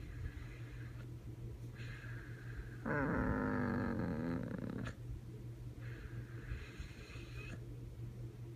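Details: Sleeping puppy in an odd position snoring, with a loud croaking two-second inward snore like a frog between softer breaths, over a steady background hum; snoring.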